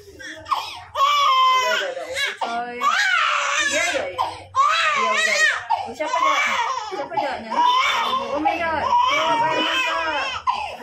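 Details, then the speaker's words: Baby boy crying in pain right after both ears are pierced with an ear-piercing gun: loud, sustained high, strained wails with brief gasps; adult voices faintly in background. "Biar sekalian nangisnya ya paket ya. Iya sekalian terus. Oh. Cowoknya sayangnya. Udah. Dia nangis."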